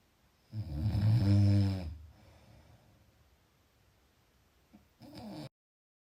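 One loud, low, rattling snore on a breath in, then quiet and a shorter second snore: snoring during sleep.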